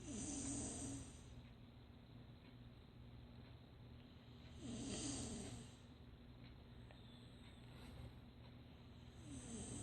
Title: Snoring 3 today Jan 14